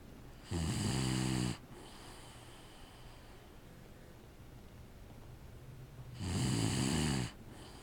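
Two loud, rough, rattling snores about five seconds apart, with quiet breathing between them: ordinary snoring.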